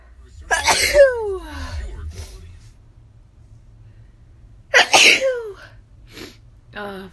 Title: Random sneezes